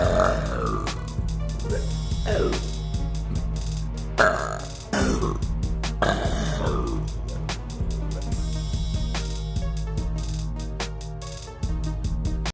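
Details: Several loud, low, rumbling belches from a girl after eating a chicken sandwich, over steady background music; repeated burping.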